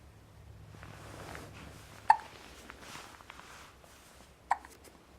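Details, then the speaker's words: Infant boy with hiccups: two sharp, abrupt hiccup sounds a few seconds apart against quiet room noise; hiccups. "ryan has the hiccups hi my little man you're mommy's little man got the hiccups"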